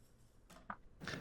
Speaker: thing about that is I get to hear the hiccup twice I actually hear it first audibly downstairs and then it comes to the microphone an impressive hiccup